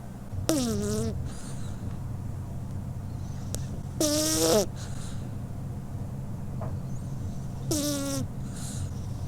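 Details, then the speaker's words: A sleeping cat, recorded with a lavalier microphone held at her nose, gives three whistling, squeaky snores, about 17 breaths a minute, over a low steady hum. "have you ever heard a cat snoring now you will hear"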